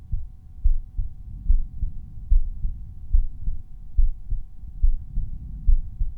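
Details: Resting heartbeat recorded at one of several chest auscultation points (Erb's point, tricuspid, mitral, pulmonary, aortic), volume normalized per point; normal heart sounds.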